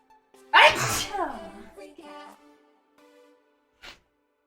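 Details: One sharp, explosive sneeze, then a brief voiced sound and a soft sniff, from a girl in a sneezing compilation: a single sneeze.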